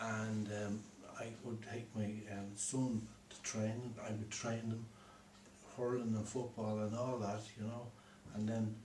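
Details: Man four years after a stroke, who at first could neither understand nor speak and has since improved in speech, writing and reading; aphasia.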